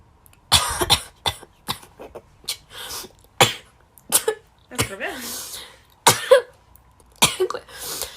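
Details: Repeated short, sharp coughs and throat-clearing bursts with brief voiced sounds between; cough.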